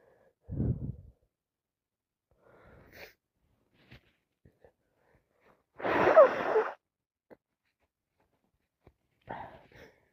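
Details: Repeated sneezing from a head cold with sinusitis and a blocked nose: two sneezes, one early and one louder burst midway, with faint breathy sounds between.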